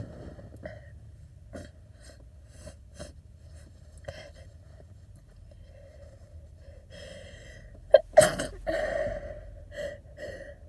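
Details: Repeated short catching in-breaths building up, then two forceful sneezes with wet, snotty breathing after, in a person with a cold, after a nose tickle while driving; gasping before sneezes.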